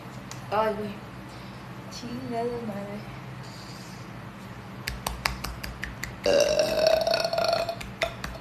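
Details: Young woman deliberately burping: a few voiced, croaky belches, the last long and sustained, with faint room noise; burping.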